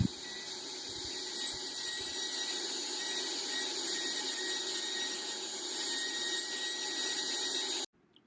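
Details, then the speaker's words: Dental drill during anterior crown prep for an E.max crown: a steady high-pitched whine that stops abruptly. The bur is smoothing and connecting the depth grooves to complete a 2 mm reduction. "Now that you have your depth grooves, you're going to smooth it out. And when you smooth everything out, make it all connected, that'll probably take you the rest of the way of your 2 millimeter reduction."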